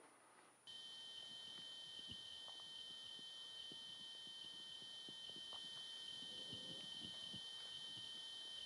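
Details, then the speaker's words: A real spontaneous otoacoustic emission recording: two steady high-frequency pure tones, with lower tones hissing faintly in the background, plus the heartbeat and stomach gurgling audible inside the body. "finally we get spontaneous oscillation so I'll play you a little bit of a real spontaneous oscillation from a"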